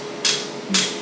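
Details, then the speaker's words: First-time laser hair removal, green-light device: two short hissing snaps half a second apart over a faint hum as pulses fire; patient describes a cold tickling, tolerable sensation. "So this is the green light I was talking about. I'm gonna do one zap. Okay. That's it. That's how it feels."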